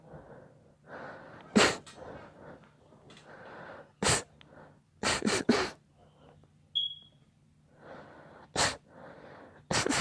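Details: Six sharp, explosive sneezes over ten seconds, each preceded by a quick breath in, with quieter breathing between; repeated sneezing.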